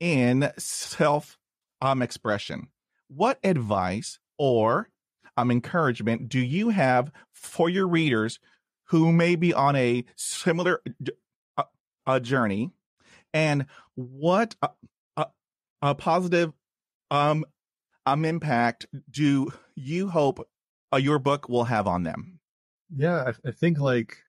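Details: Stuttering in an adult man, with a word repetition.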